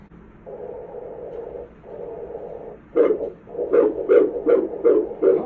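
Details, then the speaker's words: Early fetal heartbeat on ultrasound at first official prenatal appointment, 7 weeks 6 days pregnant: steady hiss then rapid rhythmic whooshing pulses, roughly 150–160 a minute, described as a strong heartbeat. "That's a heartbeat. That's a strong heartbeat. Yes, a nice short heartbeat."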